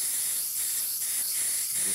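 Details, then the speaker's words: Ultrasonic scaler (Cavitron) removing stain from a tooth's enamel surface, demonstrated outside the mouth: a steady high-pitched hiss with water spray as the tip is wiped back and forth. "I think that most people have found the cavat trying to be a very useful instrument at least for stain removal on the enamel surface of the tube"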